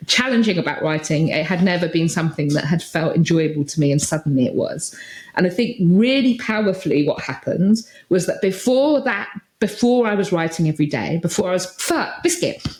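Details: Adult woman speaking; Vocal tics (Tourette syndrome).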